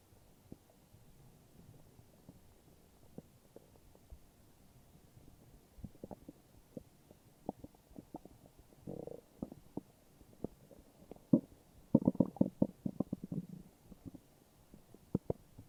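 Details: Morning stomach growling: quiet crackly gurgles building to a louder cluster of bubbling rumbles; ordinary borborygmi.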